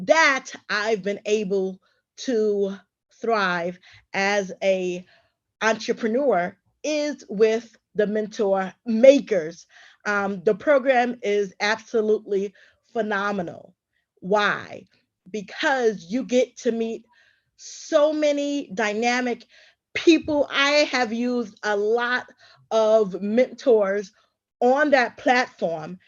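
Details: Adult woman who stutters and is also a traumatic brain injury survivor; stuttering.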